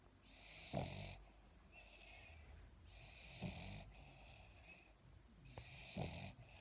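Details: A dog napping after eating snores with a steady rhythm at about 23 breaths a minute, each breath a rattling, slightly whistling sound over quiet room noise.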